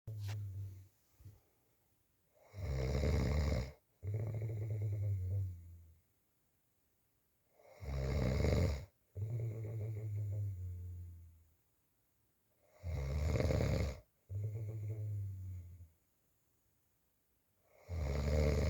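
Loud, low, rattling snores on each in-breath, with a quieter out-breath, about 12 breaths a minute in a regular rhythm.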